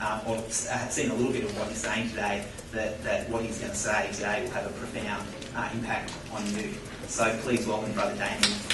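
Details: Adult man; typical speech.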